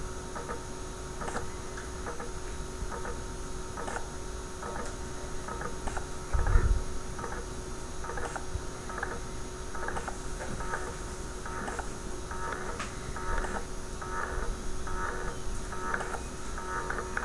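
Steady run of soft ticking pulses over a constant hum as an automatic blood pressure cuff deflates; a simulator set to a low reading.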